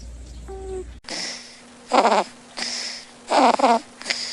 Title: Cats Snoring Like Humans ! #cats #funny #funnycatmoments